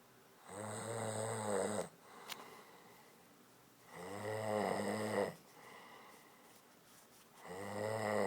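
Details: Woman snoring loudly: deep, rattling snores on each in-breath, about three in eight seconds, with quiet out-breaths between.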